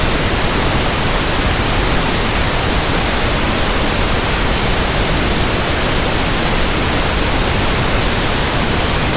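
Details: Simulated tinnitus: steady pink-noise static sample for tinnitus sound matching, ringing-ear comparison and frequency testing.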